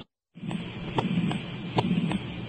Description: Split S2